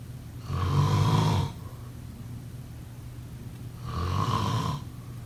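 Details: Deep, vibrating snores with each breath in, two in five seconds, with quiet pauses between: ordinary snoring during sleep.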